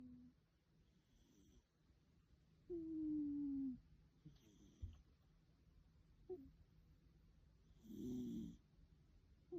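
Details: Snoring of a rescue cat, which worries the owner a little; snoring.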